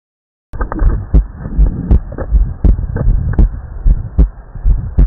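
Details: Regular low thumping heartbeats heard through a stethoscope at about 78 a minute over a steady low rumble, with a brief silence at the start; heart sounds on auscultation.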